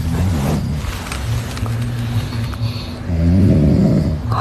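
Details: Snoring from three sleepers, a father and his two young sons, dozing together.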